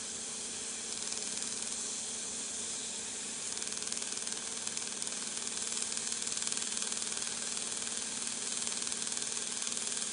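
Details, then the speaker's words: Loud steady hiss with fast, regular crackling pulses, about four per second, from a dental water laser sculpting gingival tissue for smile aesthetics after spot probing. The crackling is the pulsing of the laser energy. "noise you're hearing on the laser is actually the pulsing of the laser energy itself"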